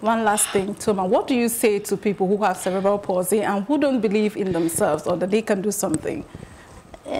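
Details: Adult woman speaking; Typical speech.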